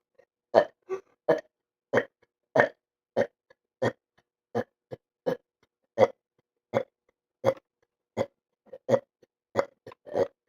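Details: A male gives short, low burps in a steady run, roughly 80 a minute, with silence between them; repeated burping.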